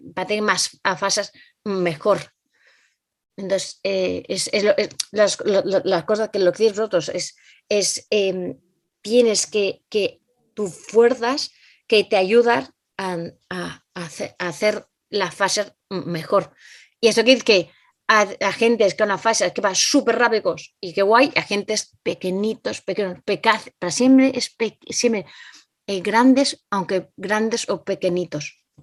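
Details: Adult Spanish-speaking woman with aphasia caused by a stroke some time ago, acquired brain injury. Finding: aphasia.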